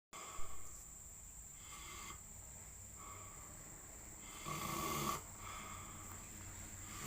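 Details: Slow rhythmic rasping breaths with a louder snore near the end over steady room hum; snoring during sleep.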